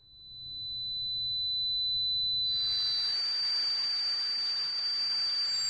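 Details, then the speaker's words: Simulated tinnitus: steady high-pitched ringing tone joined by a loud hissing rush, illustrating the constant ringing, pulsating, whooshing noise heard inside the head. "tinitus is that constant ringing pulsating whooing noise that some people feel in their ears constantly it's actually quite hard to describe so I thought we'd play you a little bit"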